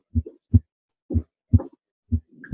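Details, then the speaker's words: Harvey cardiology simulator, normal condition at the base, upper left sternal border: clear paired heart sounds at about 60 beats a minute; normal heart sounds. "listen very carefully not only does he have uh these heart sounds uh present throughout all the classic ascultatory areas but harvey's heart sounds are also timed with respiration"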